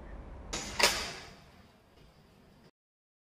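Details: Soft handling noise, then one sharp click as the simple carry handle is fixed onto the top of a stacked sunfusion semi 2 infusion pump for transport.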